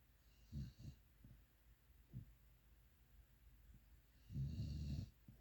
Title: Cute Pitbull Snoring... Dog snoring... cuteness overload